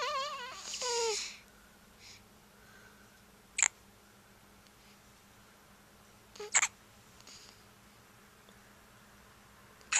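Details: Hiccups: three short, sharp hiccup clicks roughly three seconds apart after a brief vocal sound, in a quiet room.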